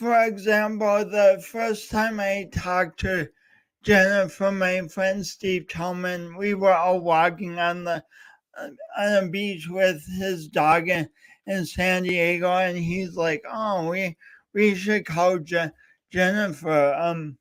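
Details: Real speech impediment with stuttering-type disfluency in a male speaker coached for years, heard during a three-hour live talk-a-thon he set as a challenge for his own voice.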